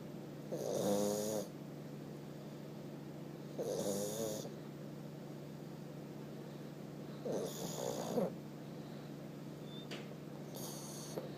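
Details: Four loud, rattling snores in 11 seconds, about 20 a minute, from a sleeping 1-year-old pug, over a steady background hum; snoring.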